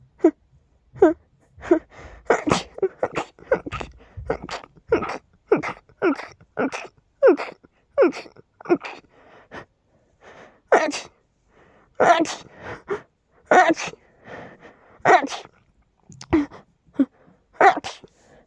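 A long run of rapid, forceful sneezes, roughly twenty in quick succession with brief pauses between them.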